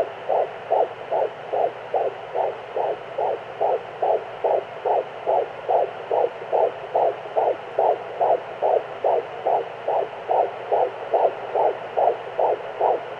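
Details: Fetal heartbeat at 14 weeks of pregnancy: rapid, regular whooshing at about 143 beats per minute over steady background hiss.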